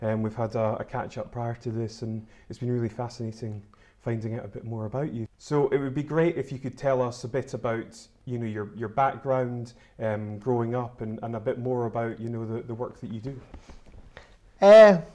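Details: Adult male interviewer; normal speech.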